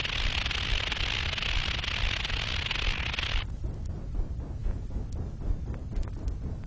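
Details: Synthesized tinnitus simulation made with an electronic music synthesizer (Royal National Institute for the Deaf research, 1970s record), representing sounds patients with moderate to very loud tinnitus hear continually inside the head: tinnitus simulation.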